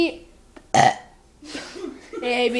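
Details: A loud voiced belch of about a quarter second, followed by voices; burping.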